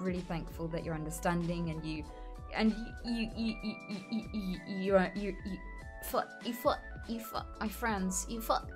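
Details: Female streamer with Tourette syndrome and self-reported severe coprolalia; swearing tics interrupt her speech; coprolalia, a vocal tic in Tourette syndrome.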